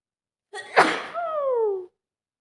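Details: Ordinary single sneeze with a sharp burst and falling vocal tail, from an adult sneezing all day with watery eyes and itchy nose since waking; they hope it is not another cold.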